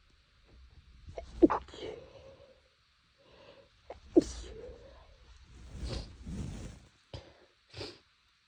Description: nose was itchy (i think all the temperature changes is messing with it) but i was trying to stifle to not be too loud